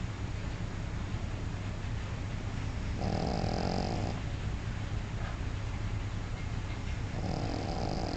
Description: My dog MM snore, turn the volume louder